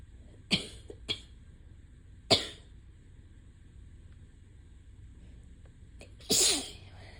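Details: Several sharp, wet sneezes in quick succession ending with a louder one, from a person whose ragweed allergy has left their voice mostly gone; allergy sneezing.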